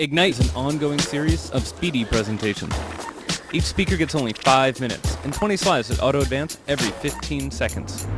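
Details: Adult male speaker; normal fluent speech.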